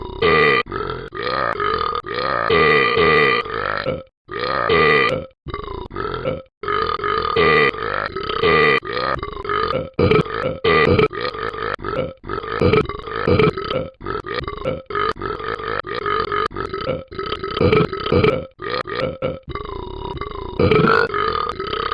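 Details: Long run of loud, repeated belches in quick succession with short pauses between them: frequent burping.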